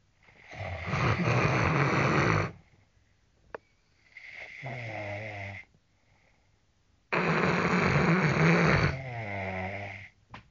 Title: indian Snoring